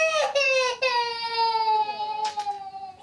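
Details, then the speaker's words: Young boy at a GP surgery receiving an injection ("little ouch"); loud, high-pitched sobbing cry with breaks for breath; child crying in pain. "okay so you're just going to feel a little ouch okay nice and still for me darling sorry little ouch ouch good boy"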